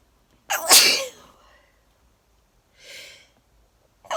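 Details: Sneeze, attributed to allergies.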